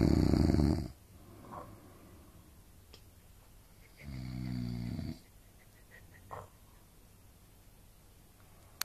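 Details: Parents snoring while sharing a hotel room: loud, rough rattling snores on inhalation, about one-second bursts separated by quiet pauses, in a small room.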